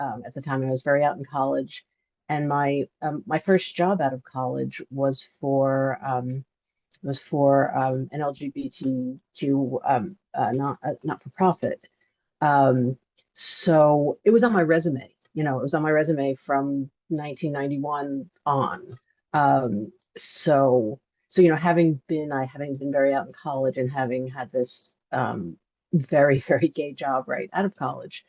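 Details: Adult man who stutters and is open about it at work; stuttering.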